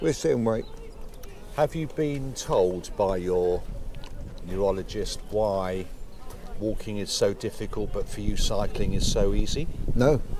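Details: Adult male interviewer; Typical speech.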